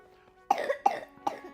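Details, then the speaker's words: Three short, harsh cough bursts in quick succession from a sick person during a video-game session, over faint steady game music. "Yeah, we're both sick, so you'll hear me clearing my throat and him coughing, unfortunately."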